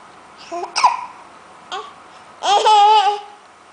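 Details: An 8-month-old infant with hiccups, recorded on an afternoon: short abrupt catches in the voice mixed with babbling and a laugh-like vocal sound.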